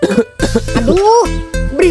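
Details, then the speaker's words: An adult acts out a skit, giving a few short, voiced, simulated coughs from an itchy throat over background music; the neighbor objects to the coughing noise. "Pokoknya saya nggak mau tahu suara batu kamu nggak enak didengar batuk-batuk aja dilarang harus Cari solusinya ini kan"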